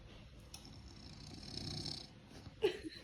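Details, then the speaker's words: Elderly father sleeping peacefully in the afternoon, later turned onto his side: snoring. Snoring. "देखो पापा कितने चैन पे सो रहे हैं। खर्राटे मार के सो रहे हैं।"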